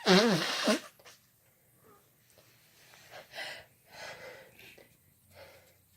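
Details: One loud, sharp sneeze followed by softer breathy sounds and faint murmuring in a small room; male and female sneezing together, answered with "bless you," "thank you."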